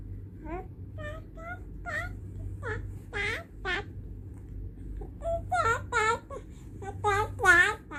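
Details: An infant's short, rising-and-falling whimpering cries building into louder wails over a low hum; the baby reportedly dislikes the father's snoring.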